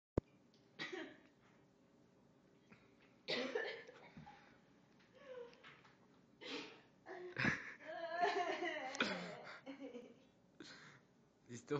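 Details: Irregular, forceful coughing bursts with strained gasps after the person laughed while eating and food went down the wrong way; choking cough from aspiration.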